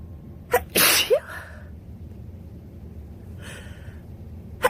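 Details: Person with a winter cold: a sharp indrawn breath, then a loud explosive sneeze, followed by a short sniff; sneezing.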